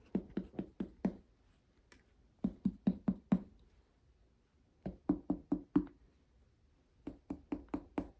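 About twenty sharp finger taps in four quick groups, each with a hollow, drum-like ring: normal tympany on abdominal percussion.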